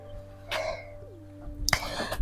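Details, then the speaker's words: Sick chickens on a Ugandan farm where most of about 60 birds died: two short, sharp cough-like bursts over a steady background hum; poultry cough. "so you see our farm had about 60 Birds but now they're about 13 or 12 or I don't even know the number because as we speak most of them died yes and you can still hear them coughing so bad"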